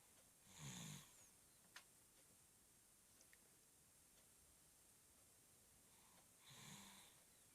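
Two low, rattling snores about six seconds apart, with quiet hiss between them.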